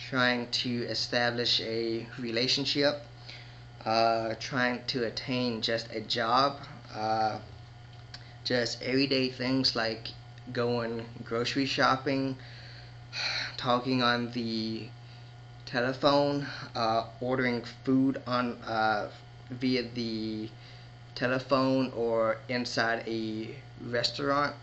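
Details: Man who describes himself as a stutterer with moments of disfluency; stuttering.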